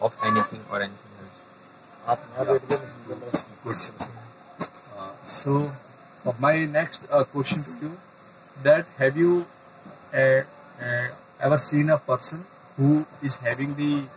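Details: Adult man who stammers and says he gets stuck on words, trying to use techniques to manage the extra muscular stress while speaking; stuttering.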